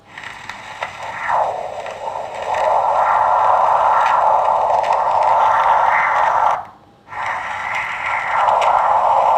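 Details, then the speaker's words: Doppler ultrasound of a normally functioning arteriovenous fistula in the arm, giving the flow signal of the outflow through the basilic vein. The vein divides, then is followed deeper into the upper arm about 3 cm from the elbow. "yes this appears that there's outflows through the basalic vein of the arm"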